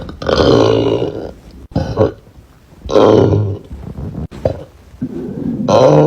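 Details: Young woman burping: several loud, drawn-out, rumbling burps with short pauses between them; ordinary belching.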